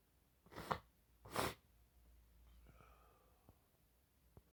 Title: sneezing hard (this is my favorite video)